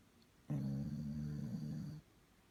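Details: Moka, a sleeping dog, snoring: a single low, buzzing snore lasting about one and a half seconds.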